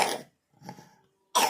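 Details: Child who vomited overnight and is now lethargic, with cough and vomiting: a short harsh cough, then a softer throaty sound, then another burst of coughing.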